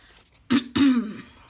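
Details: Throat clearing from an adult woman recovering from a lingering cold, with congestion and coughing.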